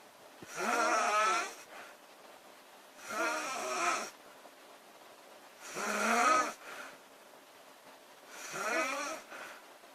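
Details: Female snoring: four rasping, fluttering snores on each in-breath, about 24 breaths a minute; loud snoring.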